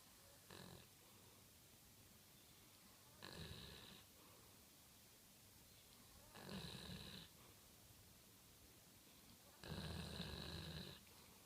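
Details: Dog snoring: four low, rattling snores about every three seconds, roughly 19 breaths a minute, growing louder; ordinary sleep snoring.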